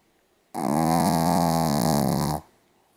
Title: ポメラニアン Pomeranian DOG サムちゃんのいびき Snoring 豪快すぎ 2014年10月6日